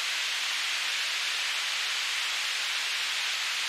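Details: Generated pink-noise narrow band centred near 3000 Hz, heard as a steady hiss, used as an audiometric tool to match tinnitus pitch.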